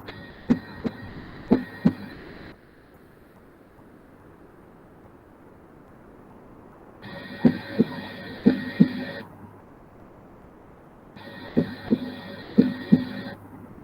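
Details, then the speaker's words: Short bursts of paired lub-dub thumps, two distinct sounds per beat separated by pauses: normal first (atrioventricular valve closure) and second (semilunar valve closure) heart sounds. "Now there are two distinct sounds in each cycle we are hearing because of one sound that corresponds to loop, the S1 sound, the closure of the LV valves."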